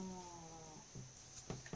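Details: Brief low snuffling snores from a pet in deep sleep under a bench, over a steady background hum.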